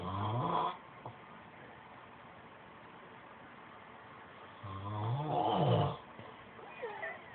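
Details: Two loud, low, rattling snoring breaths several seconds apart in a quiet room, recorded on an Android phone. Snoring.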